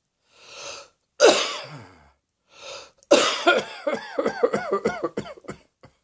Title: Cross Dressing Coughing 103